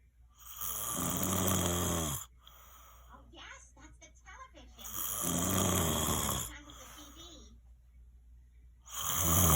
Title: Haha “I don’t snore” proof!!! June 10 2020